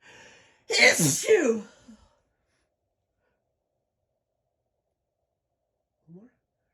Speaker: That's how I sneeze in public.